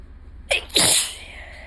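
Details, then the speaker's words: Adult with ongoing allergies, day after a bad allergy day: quick inward catch then one loud, explosive sneeze; allergic sneezing. "And I have to sneeze. Oh, fuck. I'm gonna sneeze again. And again."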